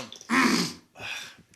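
A short harsh throat burst, then a softer second push of air: throat clearing.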